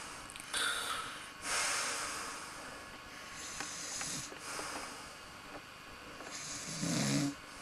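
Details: Several airy, hissing breath sounds, some ending in a snort or rough vibration, during sleep after being tuckered out from a big swigging session. Snoring.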